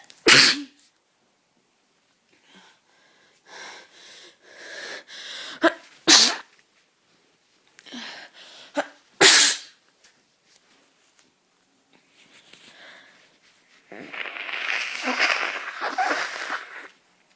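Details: A person who says they are still very sick, coughing and sneezing all day, gives three sharp, explosive sneezes with breathy sounds between them, ending in a longer noisy rush of air; sneezing.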